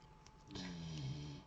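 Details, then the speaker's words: Single low, rumbling snore from a very tired dog sleeping after running after small animals in the countryside: ordinary snoring. "Donc, comment vous dire que là, j'ai un chien qui est énormément fatigué. Alors, je sais pas pourquoi, je sens que ça va pas marcher ça aujourd'hui. Donc du coup, c'est pour ça que vous l'entendez ronfler."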